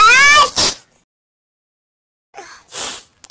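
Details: Sick animal with a cold, per narration: a brief meow followed by sharp, hissing sneeze bursts, then another sneeze after a pause; sneezing.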